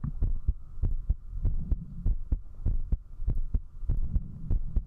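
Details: Strong, rapid thumping heartbeat at about 100 beats a minute under a steady low hum, recorded at zero distance with a 3Dio binaural microphone during drinking; a fast heartbeat after alcohol.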